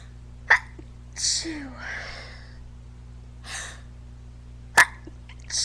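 Repeated sharp sneezes with hissing breaths and a squeaky intake between them, over a steady low hum; a run of sneezing.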